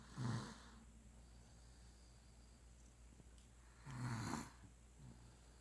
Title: Monroe snoring 10.10.16